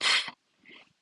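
A vocal imitation of a diastolic murmur: a breathy whooshing hiss followed by a softer, fading voiced sound.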